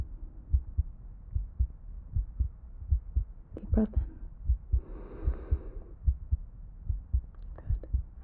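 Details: Simulated ASMR role-play exam: a night nurse listens to the chest of an ICU patient during routine rounds as the patient takes a deep breath, with soft, steady low thumps at about 74 a minute and a faint breath and rustle in the middle, normal heart sounds.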